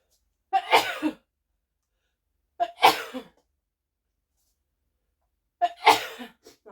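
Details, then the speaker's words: Sneeze from an adult woman who says heat makes her sneeze, followed by needing to blow her nose. "bizarrement la chaleur moi ça me fait éternu voilà"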